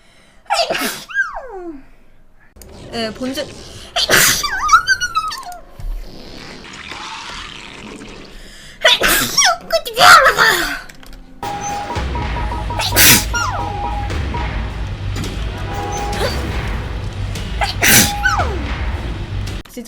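Several sharp, forceful sneezes, each with a quick intake before the burst, among other voices, with some background music.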